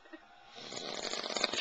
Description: my dads funny snore